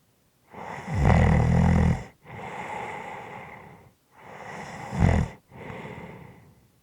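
Low rattling snores on the in-breath, easing into heavy, noisy breathing without the rattle by the end; snoring during sleep.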